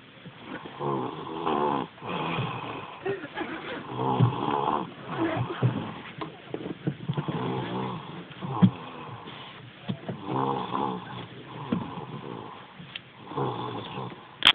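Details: Girl aged 3, sleeping: repeated rough snoring sounds with each breath throughout; snoring child.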